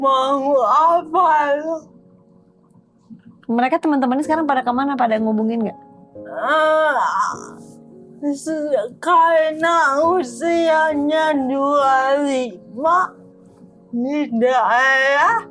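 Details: Dysarthria in an adult woman with cerebral palsy affecting gross and fine motor skills.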